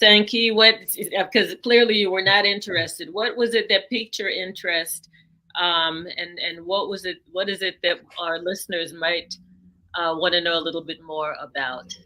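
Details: Adult speaker, interview; normal conversational speech.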